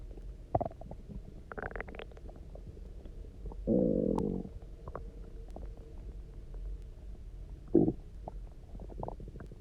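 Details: Loud gurgling, rumbling stomach growls with a sustained growl, after eating almost nothing for 24 hours, then drinking lots of water and lying on the side; hunger borborygmi.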